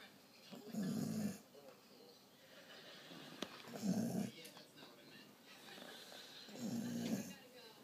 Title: Jade snoring